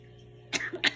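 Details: Congo African grey parrot, trained to imitate a sniffle and cough, gives a short two-part imitation of a human cough after a brief quiet pause; imitated cough.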